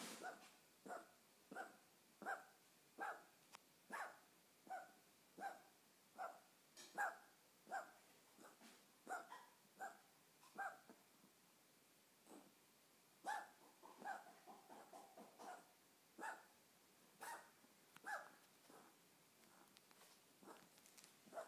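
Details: A female dog gives repeated short, harsh, honking coughs in quick runs, roughly 80 a minute.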